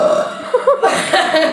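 Short voiced burps, several in quick succession, with loud music and laughter in the background; belching.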